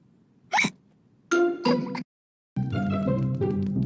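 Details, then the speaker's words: Animated cartoon imitation of hiccups, not real: George the cartoon pig hiccups, with short sharp voiced hiccup bursts over music. "George, please stop hiccuping."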